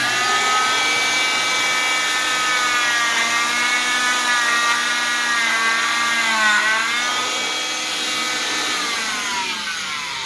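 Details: Oscillating cast saw cutting a cast during removal, with a zip stick run between the sock and cotton padding as a skin barrier: loud, continuous high whining buzz with pitch shifting as the blade meets resistance.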